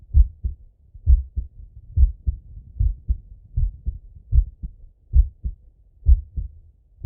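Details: Steady lub-dub male heartbeat at about 65 beats a minute on stethoscope auscultation, with soft breath sounds underneath; normal heart sounds.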